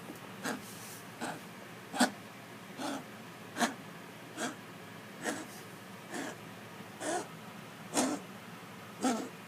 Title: My cat coughs up a hairball and eats it.